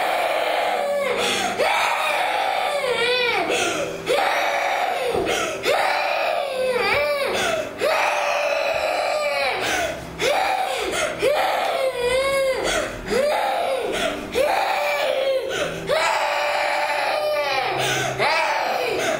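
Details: Continuous sobbing cries with wavering, breaking pitch and short catching breaths between them in a small room; a child crying.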